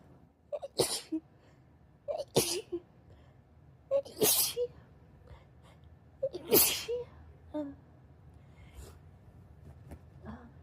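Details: Sleepy person in bed first thing in the morning with a stuffy, tickly nose, possibly allergies: four sharp, explosive sneezes in quick succession, each with a short intake before and a faint sniff after.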